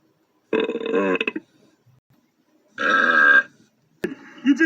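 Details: Cartoon character Zoe Trent burping: two loud, drawn-out, rumbling voiced burps, then a short sound as speech begins.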